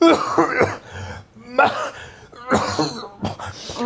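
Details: Cough with throat clearing amid repeated heavy snoring, acted in a drama skit; someone then asks for water.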